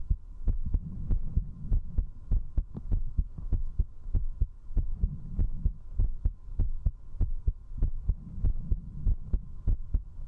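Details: Strong, quick thudding heartbeat at about 98 beats a minute over a low hum, recorded at zero distance with a 3Dio binaural microphone during drinking; a fast heartbeat after alcohol.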